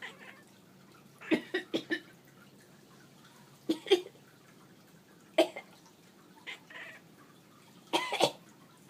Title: Cat's Sympathy Cough